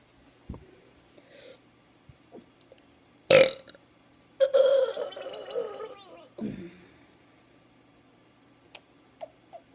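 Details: Deliberate burping: a short burp, then a long, loud, drawn-out belch lasting about two seconds, and a final shorter burp, in a quiet room.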